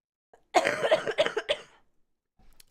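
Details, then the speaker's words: Adult woman who says she has bronchitis and is sick: a short burst of several harsh, rough, chesty coughs while talking, with a cat on her desk. "you guys are making me cough you like it"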